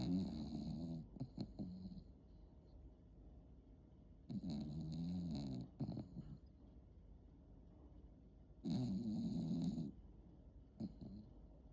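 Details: Sleeping dog snoring heavily: loud, rough, low snores in long bursts a few seconds apart, with quiet stretches between.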